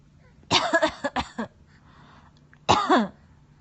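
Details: A mother's short run of coughs and throat-clearing, followed by a child's brief laugh; ordinary coughing.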